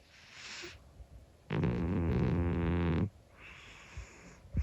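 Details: 25-year-old calico cat snoring while asleep, uncut recording: a soft breath, then one long, loud, buzzing snore with a fluttery edge, followed by quiet breathing.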